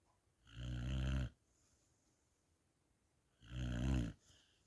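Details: Sputnik sleeping after a long walk: two deep, rumbling snores about three seconds apart in a quiet room; snoring.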